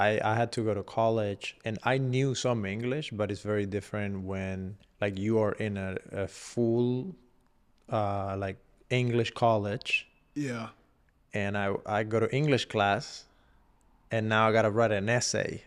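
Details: Adult male speaker; ordinary speech.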